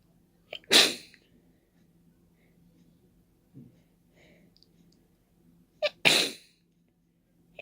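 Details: Two forceful, hissing sneeze bursts, each with a quick inhale, separated by quiet breathing; open wet sneezes without any tissue, person resisting blowing their nose.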